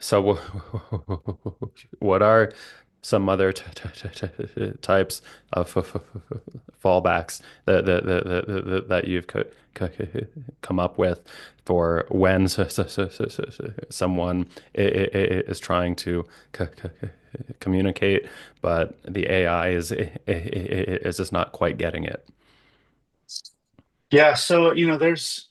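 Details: Stuttering with repetitions and blocks in an adult male speech-language pathologist who stutters.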